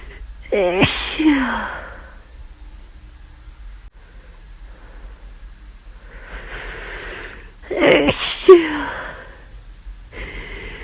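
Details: Two loud voiced sneezes, each preceded by a rising in-breath, from a woman with flu who describes a near-constant itchy nose and sneezing so much that she aches; repeated sneezing.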